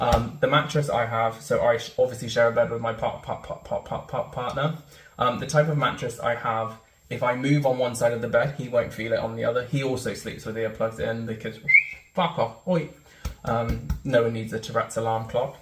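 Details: Real person with Tourette syndrome, an involuntary motor and vocal disorder, producing vocal tics such as syllable repetitions and interjected swearing; finding: vocal tics (Tourette syndrome).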